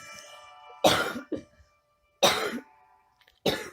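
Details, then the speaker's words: Three harsh, forceful coughs about a second apart from an unwell adult who apologizes for having been sick, with faint game music in the background. "sorry I've been sick"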